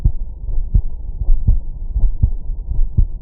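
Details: Low, regular heartbeat at about 80 a minute with paired lub-dub thumps heard by stethoscope auscultation, no added sounds; normal heart sounds.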